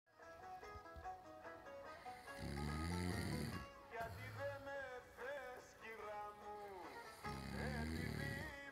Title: DAD SNORING AGAIN!!!